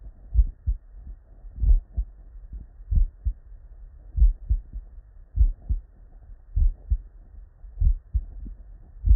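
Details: Real, unedited bedside human auscultation from a patient with normal cardiac physiology; regular low lub-dub at about 48 per minute with clear first and second sounds: normal heart sounds.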